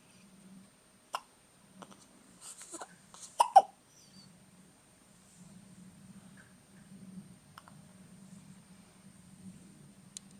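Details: Infant hiccups, with several abrupt, short catches at irregular intervals against soft breathing and low room hum; the baby gets hiccups often.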